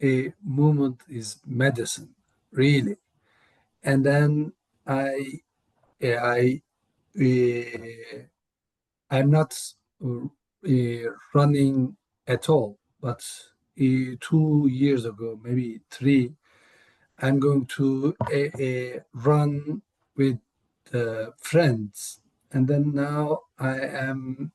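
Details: Aphasia in a man, a panelist at an aphasia conference; real, unscripted speech.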